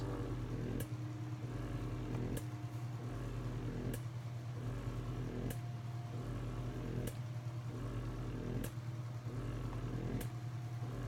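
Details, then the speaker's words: Mother pumping breast milk while demonstrating her electric breast pump and adjusting suction strength and speed: steady low motor hum with a rhythmic click of the suction cycle, about 37 cycles a minute. "And then this button makes it suck faster or slower, the suction."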